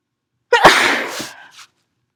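A single loud, explosive sneeze with a brief breathy tail after a quick intake of breath.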